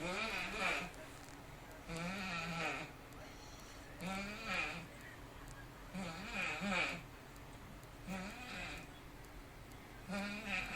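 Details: Adult man snoring, body appearing to crunch with each snore: loud, wavering, bleat-like, strained vibrating snores about every two seconds, roughly 30 a minute.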